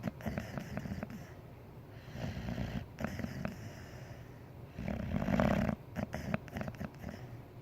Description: White boxer sleeping and snoring on the couch